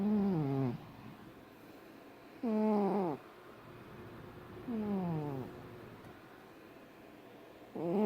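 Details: Big cat snoring while asleep: regular drawn-out droning sounds falling in pitch, about 26 a minute, with quiet gaps between.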